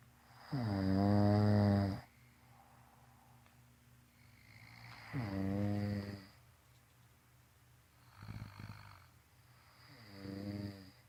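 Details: Two people snoring together, loud, deep, rattling snores on each in-breath, about four in ten seconds with quiet pauses between; heavy snoring.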